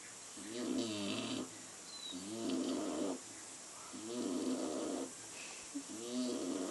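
Regular rattling snores, about four in under seven seconds, each a fluttering inhaled rasp followed by quiet; ordinary snoring.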